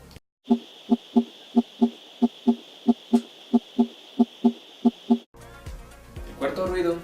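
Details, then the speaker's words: Regular heart sounds in a galloping three-beat rhythm: a third heart sound (S3, protodiastolic gallop) from abrupt early ventricular filling. "el tercer ruido se denomina galope protohistórico y se produce con un llenado brusco ventricular y se escucha de la siguiente forma"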